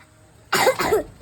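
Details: A child's cough, one short, sharp cough in two quick bursts after a brief quiet moment, startling rabbits that were eating.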